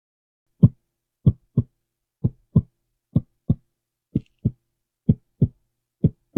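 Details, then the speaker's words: Steady paired lub-dub heartbeats at about 63 per minute, clean and regular, via stethoscope on the chest during deep breathing in a simulated (roleplay) new-patient exam; heart judged in great working order: normal heart sounds. "Everything looks good with that there. So I don't think we have to worry about your breathing and your heart seems to be in great working order."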